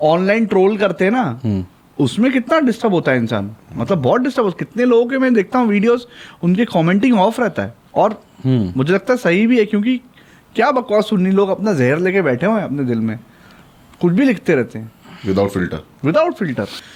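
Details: Adult male speaker; normal fluent speech.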